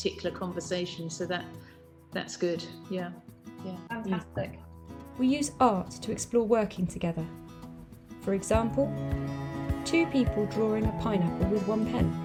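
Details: Adult speakers, mainly a woman narrating; Normal speech.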